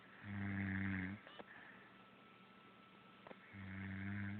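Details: Two deep, rumbling, buzzing snores about three seconds apart, with quiet breaths out between: snoring.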